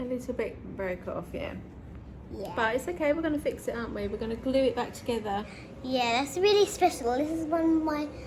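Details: Adult woman talking, with brief replies from a child; normal speech.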